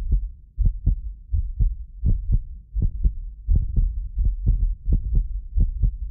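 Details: Real heartbeat from a medically fit adult, recorded with several precision contact microphones: steady low thumps at about 80 beats a minute; occasional doubled clicks are microphone delay artifacts, not disease; normal heartbeat.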